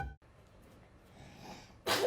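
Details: Two-year-old girl sneezing onto pastry while cooking with her father: a brief burst near the end after quiet room noise; sneeze.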